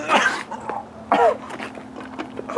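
Two harsh, voiced bursts about a second apart, each like a cough or forceful throat clearing, in a small room with faint background noise.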